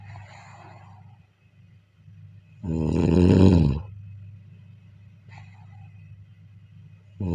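A single loud, rough, low rattling breath sound over steady low room hum, consistent with a snore.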